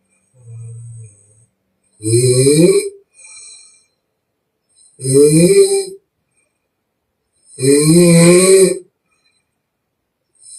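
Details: Chinese young woman in real deep sleep, recorded with permission, blowing air out through the mouth: loud, groaning, voiced snores about every three seconds with softer out-breath sounds between, in a quiet room; snoring.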